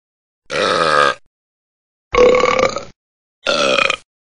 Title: Burping Burp - Sound Effect [HD]